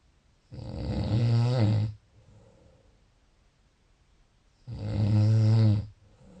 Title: Snoring.30 June